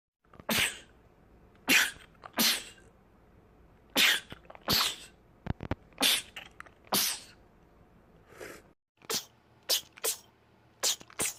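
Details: Adult man in a compilation of rapid sneezing attacks: about a dozen sharp sneezes in quick succession with short breaths between; a sneezing fit.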